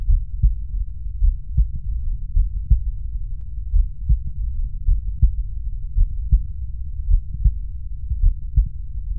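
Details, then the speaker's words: Young healthy subject, chest leaning slightly forward, holding breath in expiration after deep breaths, stethoscope at the mitral focus: steady low lub-dub beats near 54 a minute with no swishing; normal heart sounds, no aortic murmur. "al tratarse de un paciente joven y sano no se observan soplos aórticos en la ocultación"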